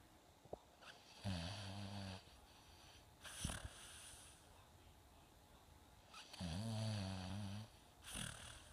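Low, buzzing snores on two in-breaths with softer airy out-breaths between them; snoring.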